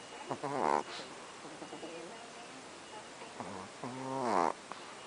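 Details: Small Chihuahua dog snoring during sleep, which happens often and is usually louder: two soft, whistling snoring breaths with a nasal, squeaky tone on intake, against quiet room noise.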